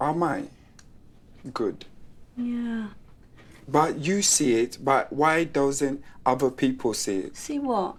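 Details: Man, former professional footballer, who had a stroke at 36 two years earlier, initially severe aphasia, still with word-finding difficulties; aphasia.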